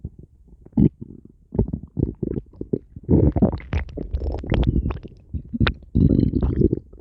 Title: stomach growling 8